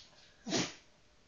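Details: Jack Russell dog sneezing on demand while playing a sneezing game: a single short, sharp sneeze, a quick burst of air through the nose in a quiet room.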